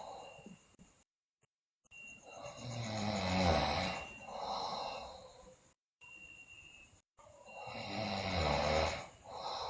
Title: Sleeping Girl Loudly Snore, Bruxism, Delirious